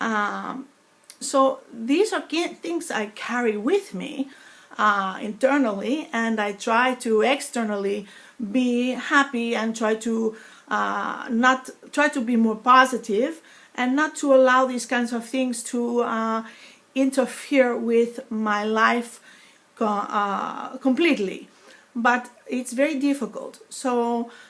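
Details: Foreign accent syndrome acquired after a stroke on Thanksgiving Eve 2012, about eight years earlier, in an adult woman with a native New York accent; accent sometimes Russian- or Greek-like, worse when slow, tired, stressed or in pain; word-finding difficulty and pauses.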